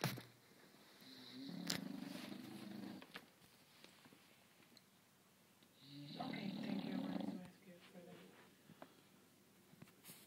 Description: My English bulldog taking a beauty nap and waking the rest of us up at the same time lol